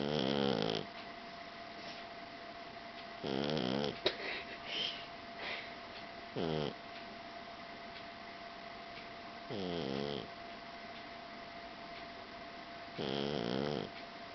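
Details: Blue Persian tomcat snoring in sleep: four rough, rattling snores at regular intervals, each under a second, with quiet breathing between and a steady background hum.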